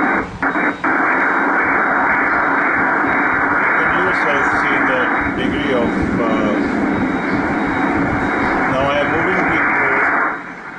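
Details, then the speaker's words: Doppler of a 7-week molar pregnancy with arteriovenous fistula in a woman with a prior D&C for missed abortion: continuous, harsh turbulent whooshing flow with little pulsation, velocity 53 cm/s. "so there is evidence this is an evidence and that there is some actual arteriovenous fistula form which is not unusual in case the more pregnancies of such nature"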